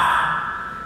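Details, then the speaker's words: Tubular (bronchial) breath sound, the most frequent pulmonary "soplo," heard on chest auscultation in a consolidation syndrome such as pneumonia; a teaching example from a respiratory physical-examination class. "Ese es el soplo más frecuente que van a escuchar ustedes, el soplo tubárico, que se encuentra en el síndrome de condensación, en la neumonía."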